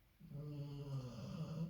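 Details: Sleeping Labrador dog (Lilly) snoring loudly in a quiet room; low, droning, slightly wheezy snore; snoring.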